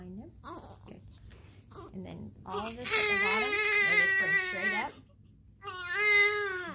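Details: Fussing whimpers build into a loud, sustained, rhythmic cry with a strong clear voice; a normal newborn cry while being swaddled.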